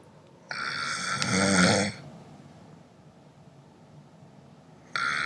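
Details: A roommate snoring: one loud, rough, rattling snore on a breath lasting over a second, then quiet, with the next snore starting at the end.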